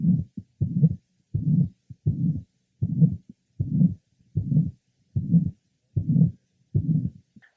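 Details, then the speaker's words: 66-year-old with mitral valve prolapse: regular heartbeat near 78 per minute, a gap after the first heart sound, then a harsh, slightly musical late systolic murmur. "that there is a gap between the first hot sound and the onset of this murmur which is the lat part of Cy it is harsh but also has some musical [Music] qualities"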